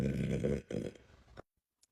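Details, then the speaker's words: A deep, rumbling voluntary belch that breaks off briefly and trails away. The burper says it stuttered and kept getting stuck. Burping. "that one stuttered it keeps getting stuck it keeps stuttering I'm struggling here I know I can do this"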